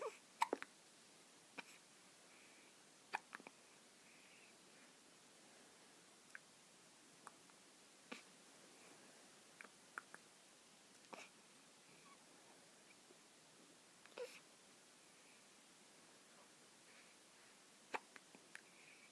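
Faint, brief clicking hiccups recur every few seconds, about ten in twenty seconds, in a quiet room. Newborn hiccups.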